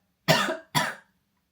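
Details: Two loud, harsh, slightly wet coughs in quick succession from an adult woman who has been ill for about a week with something that hit hard today; cough attributed to a chest infection.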